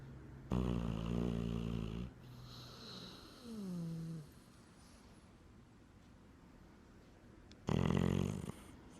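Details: A sleeping dog snoring: loud, rough snoring breaths with a whistling tone between snores.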